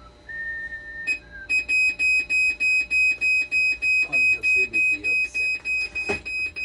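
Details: Rapid, regular high-pitched electronic beeping, about 200 a minute, with some background talk: a hemodialysis machine alarm during repair of conductivity, 12-volt and BP cuff faults.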